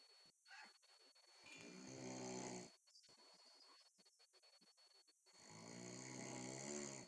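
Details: Two slow, low rumbling snores about three seconds apart with quiet breathing between; ordinary snoring.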